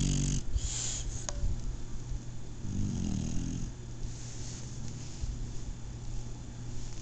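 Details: Shar-Pei puppy asleep, low rumbling snorts and a soft snore amid handling noise; snoring.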